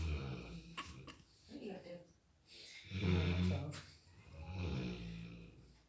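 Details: Labrador snoring while sleeping: slow, low rumbling breaths with a rattling, throaty quality separated by quiet pauses; dog snoring.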